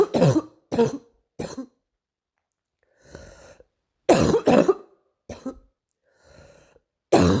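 About seven harsh coughs in bursts, with quieter breaths drawn in between. A morning coughing episode.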